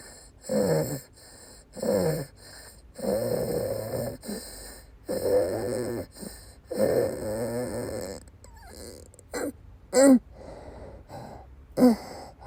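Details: Female patient with persistent asthma attacks and migraine-cluster headache complex, coughing: several harsh, effortful coughs and strained noisy breaths in a quiet room during an asthma attack.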